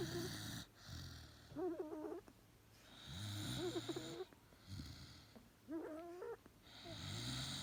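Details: Very tired mother Xolo (Xoloitzcuintle) dog snoring while asleep: rhythmic, low rumbling breaths with whistling squeaks on several, over steady background hiss.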